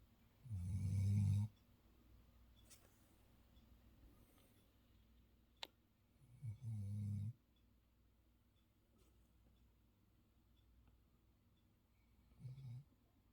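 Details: A comfortable sleeping female long-haired German Shepherd: low, rumbling snores, about three in the clip, with quiet pauses between.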